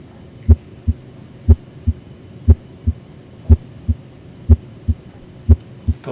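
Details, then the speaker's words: Cardiac exam of an adult male patient lying back: crisp, regular lub-dub at about 60 beats a minute, clear first and second sounds, no added noise; normal heart sounds. "and i'm going to listen in the four primary areas the aortic area or second right intercostal space the pulmonary era or second left intercostal space the tricuspid area or lower left sternal border"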